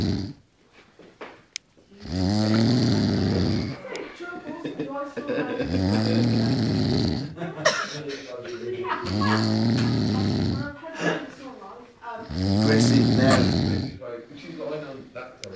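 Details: Drunk man asleep: loud, rattling snores about every three to four seconds, about 18 a minute, with nearby voices in a small room; snoring.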